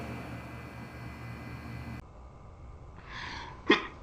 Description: I'm sneezing all the time, because i'm allergic to cats. I'm so sorry for sneezing.